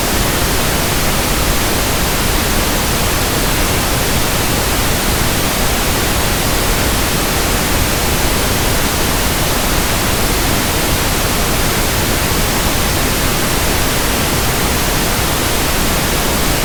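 Steady, soft static hiss with a deeper, balanced tone throughout; pink noise used to match the sound of persistent tinnitus.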